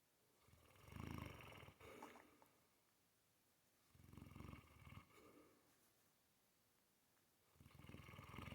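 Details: Sleeping female Mastiff snoring: rumbling, irregular snoring bursts, about three in eight seconds, with quieter breathing and some rustling between.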